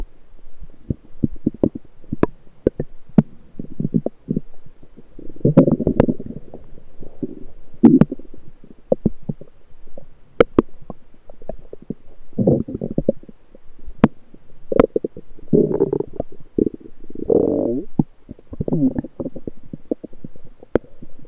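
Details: Lower abdomen recorded with a USB electronic stethoscope: irregular bubbling and gurgling with sharp clicks, active bowel sounds from the lower intestines.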